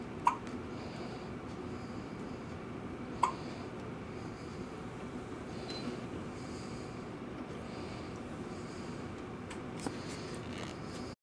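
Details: Hiccups recorded in a hospital; hiccups.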